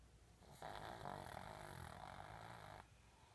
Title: Snoring